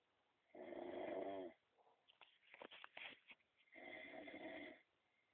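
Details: Person snoring loudly.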